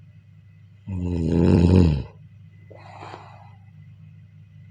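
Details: A loud, rumbling snore on the in-breath during sleep, followed by a softer breathy exhale; snoring.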